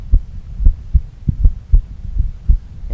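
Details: Low, regular paired thumps of normal first and second heart sounds without added noises, played on a loop; a brief aberration at the start or end of the loop is of no significance.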